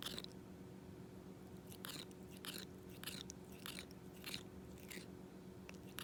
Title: Cat tooth grinding noises